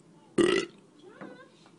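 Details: Male YouTuber burping, from a compilation: one short, loud, rumbling voiced burp followed by quiet murmuring; a normal belch (eructation).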